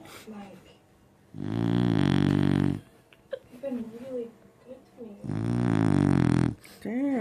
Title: Snoring puppy